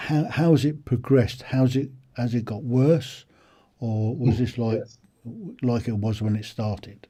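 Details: Adult male speaker; ordinary speech.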